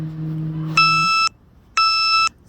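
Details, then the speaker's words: Two clear electronic beeps, one second apart, over a low outdoor hum: a Dexcom continuous glucose monitor alert worn by an adult woman with type 1 diabetes during a garden tour. "Sorry. That's my Dexcom beeping. Can't do much about that one."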